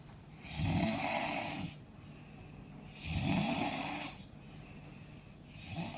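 Rattling, raspy snores on each breath, about 24 a minute, with quieter breathing between; snoring.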